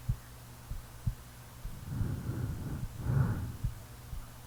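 Soft, low, irregularly spaced heartbeat thumps with two slow, rough snoring breaths in between, during sleep.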